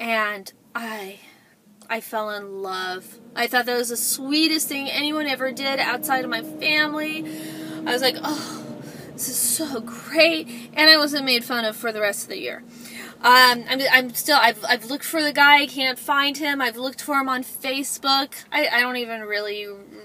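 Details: Adult woman, self-described stutterer; stuttering.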